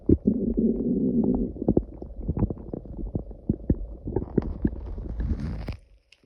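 Loud, drawn-out rumbling and gurgling from the belly, with popping bubbles. This is ordinary stomach growling from gas and fluid moving through the gut.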